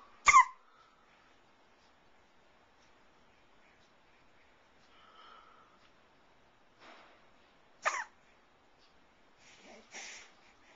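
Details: 3.5-month-old infant hiccups: two sharp, sudden hiccup sounds with soft breathing and small vocal noises between.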